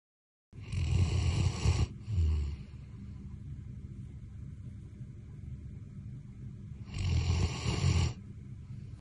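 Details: Bernese Mountain Dog snoring, which it rarely does: two loud, rough, low rattling snores about six seconds apart, with quiet breathing between.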